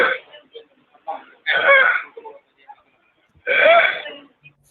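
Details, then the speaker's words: Inspiratory stridor from upper airway obstruction, apparently not the paediatric example: loud, harsh, high-pitched noisy inspirations, with paradoxical suctioning and heavy accessory muscle use. "And as you can see, there's a sort of a paradoxical suctioning of the lung fields when a person takes a breath in because of the upper airway obstruction."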